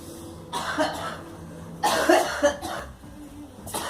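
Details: A few short, harsh coughs with throat clearing and faint room noise from a girl and another person; someone nearby mentions a cold and being sick after a flu shot.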